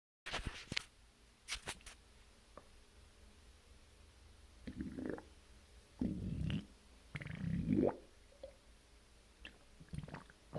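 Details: Irregular low gurgling and rumbling bursts with brief squeaky tones over quiet room noise, right after a large bowel movement: stomach growling (borborygmi).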